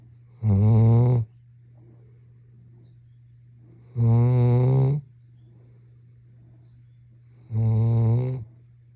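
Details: Three loud, buzzy snores, each about a second long, at roughly 17 breaths a minute over a steady low hum, from a sleeping Labrador retriever puppy; ordinary snoring.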